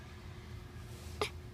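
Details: Hiccup: a single abrupt catch of breath over low room noise; hiccup.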